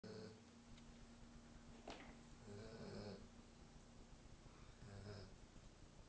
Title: German shepherd snoring